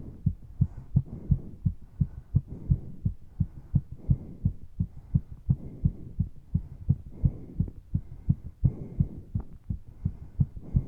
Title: 運動中のバクバクした心臓の音(呼吸音あり)